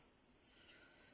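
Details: Tinnitus simulation: a steady, very high-pitched hissing tone, device-made, though the actual frequency of the inner-ear noise is said to be hard to determine.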